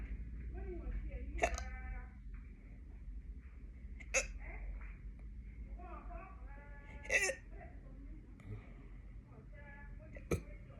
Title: Late night hiccups